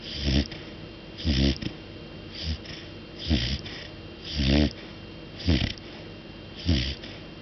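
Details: Cat snoring at night, loud enough to wake the owner: rhythmic buzzing snores about one per second with quiet breathing between them.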